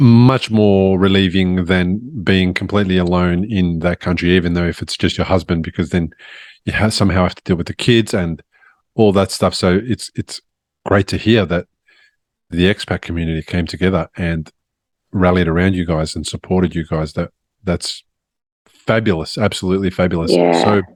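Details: Adult male speaker, podcast host; ordinary speech.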